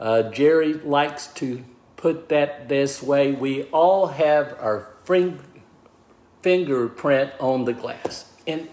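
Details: Aphasia in a man of about 63 after a stroke, diagnosed 26 months earlier; at first he could not talk or write, and he is relearning speech.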